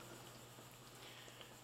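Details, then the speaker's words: Original bubble CPAP set up for a baby on nasal prongs: exhalation tubing sits 4 cm under water in a bottle, giving 4 cm H2O pressure, with steady soft bubbling and gurgling from the working water seal. "and then the exhalation goes into the bottle and here we can see the bubbling is four CM below the surface of the water 4 cm of water pressure"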